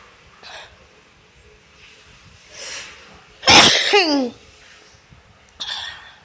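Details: Sneezing: a few faint snuffles, then one sharp, loud sneeze followed by a short squeaky trailing sound and a smaller sniff.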